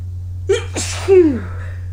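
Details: Sneezing after an early-morning run in cold air: a quick indrawn breath, then a single forceful sneeze with a falling voiced tail, over a steady low hum, followed by exhalations.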